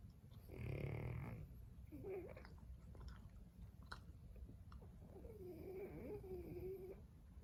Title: Snoring Frenchie